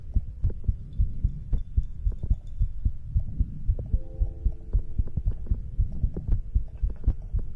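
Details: ASMR recording of a person's own heartbeat for sleep: regular low thumping at roughly 110 to 115 beats a minute, with a faint hum and some higher clicks in the background; normal heartbeat.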